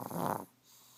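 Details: Chihuahua snoring again while asleep: one short, snorting snore, then quiet.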